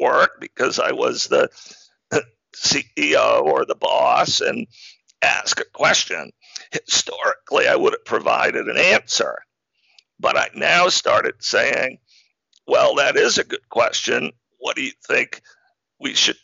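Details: Adult man diagnosed in 2012 with spasmodic dysphonia, a rare neurological speaking disorder that made communicating difficult and caused partial loss of his voice; real, not acted; spasmodic dysphonia.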